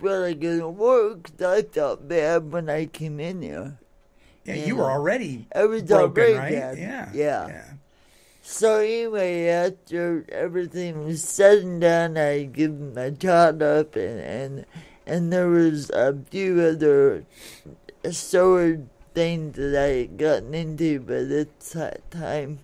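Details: Adult woman born in 1959 with cerebral palsy from oxygen deprivation to the brain during delivery, affecting speech and motor skills; some listeners find her hard to understand; dysarthria.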